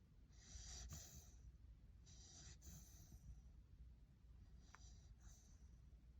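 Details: Sleeping puppy snoring: soft, hissy breaths every second or two with light snorty noises over a low steady background hum.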